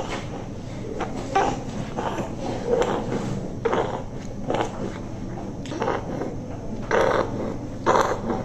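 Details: A child with noisy breathing, possibly since birth, not responding to asthma treatment; a suspected congenital airway problem masquerading as asthma. Harsh, rasping noise with each breath, about 55 a minute, likely stridor.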